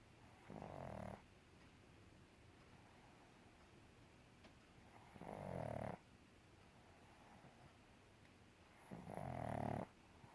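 Loud rattling snores on each in-breath, three in ten seconds, about 18 a minute, over steady room noise; typical flat-faced dog snoring.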